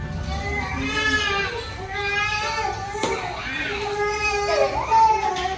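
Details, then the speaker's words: High-pitched, wavering infant cries in a small room with faint music and household sounds behind; a crying baby. "Okay. Y'all, look, the baby's crying. Hold on. I know y'all hear it."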